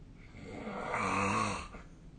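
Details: Single rough, rattling snore on an in-breath, rising and fading over about a second in a quiet room; sleep snoring recorded with a snoring-tracking app.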